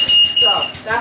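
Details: High-frequency oscillator ventilator high-pressure alarm.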